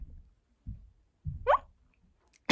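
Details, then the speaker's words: Adult with tics, reporting fewer and less complex tics over roughly the past year: a few soft thuds, then a brief, sudden, squeaky rising vocal noise; a simple vocal tic. "well to start with i guess one general thing about melissa is is the noises the movements i have been doing a lot less of that"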